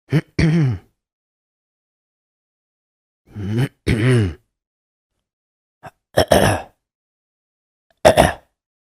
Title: THROAT CLEARING: Learn How It Sounds